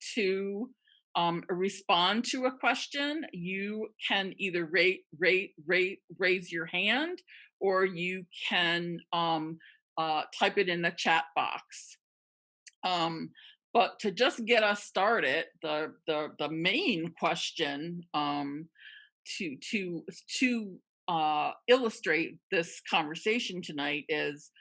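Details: Real stuttering in a woman who stutters, speaking with sound and part-word repetitions; finding: stuttering.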